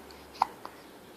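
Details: Baby's hiccups: a single soft, high-pitched hiccup followed by a faint second catch.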